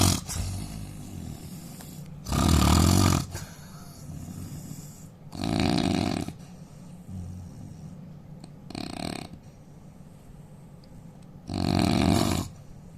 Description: Indian man snoring sound asmr